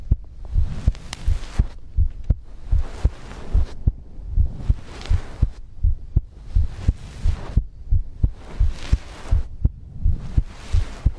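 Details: ASMR heartbeat and breathing recording for sleep: steady low thumps at about 80 beats a minute, with soft breathing noise rising and falling over them; a regular heartbeat.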